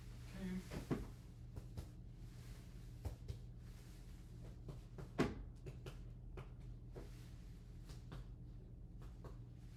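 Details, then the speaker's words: Irregular hollow taps during chest percussion in a health assessment, giving a resonant note throughout, described as normal for air-filled lungs. "Perfect. So, your chest upon percussion is pretty resonant throughout. That's pretty normal because you're full of air."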